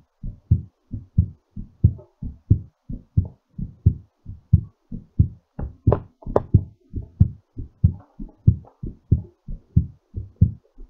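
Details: Normal heartbeat during recovery after exercise: strong, regular paired thumps at about 90 beats a minute, still raised.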